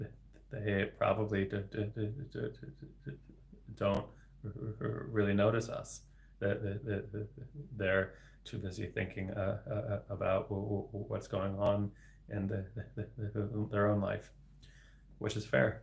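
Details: Adult man, a speech-language pathologist, with developmental stuttering, speaking live; word repetition audible; stuttering.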